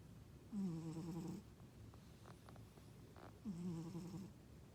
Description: I thought my husband was snoring, found out it was my cat !!